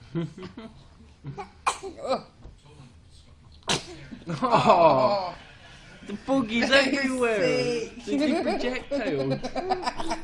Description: Sneezing Babies Video - This is a compilation of cute and adorable babies sneezing.